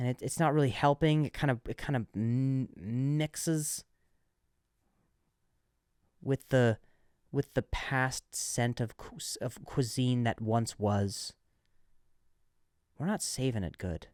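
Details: Adult man who stutters, who notes switching words after stuttering on one; word repetitions; stuttering.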